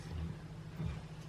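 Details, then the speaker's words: A sleeping dog has an epic snore, heard with the TV muted; it goes quieter once the owner starts talking: snoring. "dog has an epic snore. It's gone quieter now because I've started talking."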